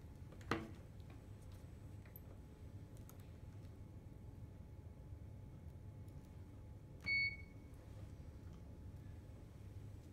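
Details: A click, then a single short electronic beep as the start normal button of an Excelsior syringe pump is pressed to begin a home IV medication infusion.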